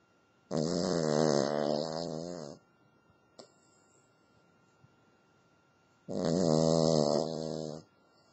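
Two long, rattling, pitched snores about five seconds apart from a sleeping dog, with quiet pauses between them.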